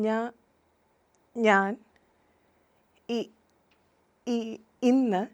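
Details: Stammering demonstrated (acted) by a speech therapist, with sound and word repetitions; she attributes stammering to small neurological disturbances in brain language centres, genetics, or learning by imitation.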